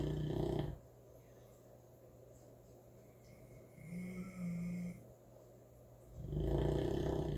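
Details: Snoring from a sleeping St. Bernard puppy: two deep, rumbling, loud snores separated by quiet breathing with a soft whistle.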